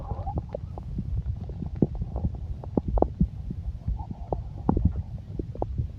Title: the sound stomach growling versi exotic